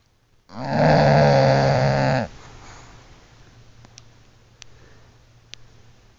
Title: bulldog snoring